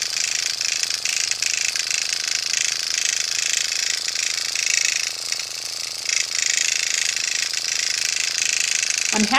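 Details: Steady fast mechanical buzzing with rapid ticking of an automated microneedling pen in small circles on a 50-plus woman's facial skin, causing redness without bleeding or pain.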